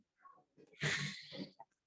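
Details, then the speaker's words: Open pneumothorax from chest trauma: a harsh, hissing, snore-like rush of air sucked through the open chest wound (traumatopnea), an ominous sign of a sucking chest wound. "es una traumatopnea, tal cual como si estuviese allí roncando por los pulmones, ¿ok? Eso no se les puede olvidar, eso es un evidente signo ominoso de un traumatismo de tórax con un neumotórax abierto."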